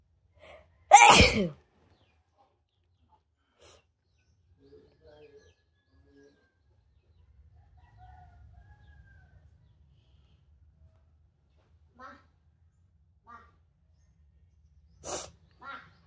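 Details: Sneezing: two sharp, explosive sneezes, one early and one near the end, with quiet between them.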